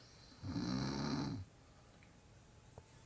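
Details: Adult woman (aunt) napping on a couch, snoring louder the longer she sleeps: one loud, rough, low snore lasting about a second, then quiet breathing in a small room.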